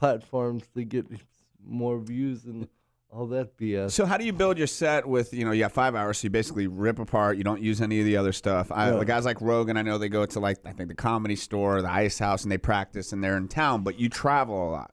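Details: Adult man speaking in an interview; ordinary conversational speech.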